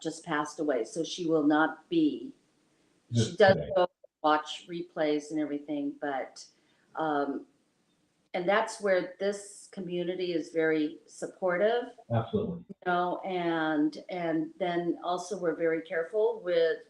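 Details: Adult speaker; ordinary speech.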